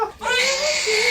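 A brief, high, clear wail from a newborn, a normal first cry just after birth.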